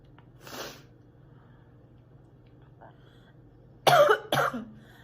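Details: Girl coughing a lot while sick and spitting: a faint throat noise, then two loud harsh coughs close together in a quiet room.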